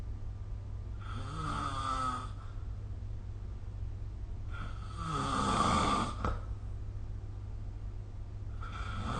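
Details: Snoring recorded with the SnoreLab app: rough, rattling snores with each inward breath, about every three to four seconds (roughly 16 breaths a minute), over a steady low background hum.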